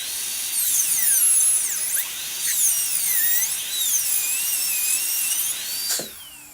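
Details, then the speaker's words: High-speed dental handpiece with a carbide burr giving a shrill whine that rises and dips as it makes light cuts through the seized metal nut of a stuck low-speed Midwest shorty handpiece. "And really what we're trying to do is give ourselves room to flex. What we're trying to do is be able to kind of spread that nut apart. And free the handpiece."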